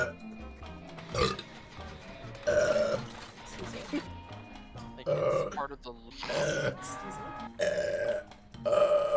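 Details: Female streamer during a live gaming stream, saying "excuse me" between burps: about four loud, drawn-out throaty burps over background music; repeated belching.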